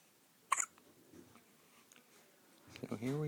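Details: Two-day-old newborn with hiccups: a single sharp, brief hiccup in a quiet room, followed by soft infant vocal sounds.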